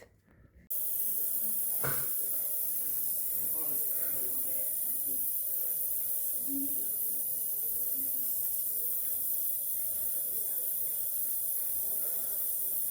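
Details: Nebulizer running during an emergency visit for an asthma attack, one of two aerosol inhalations given alongside cortisone: after a brief quiet start, a steady continuous hiss with faint background noise.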